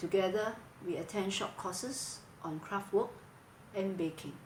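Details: Adult woman speaking; ordinary speech.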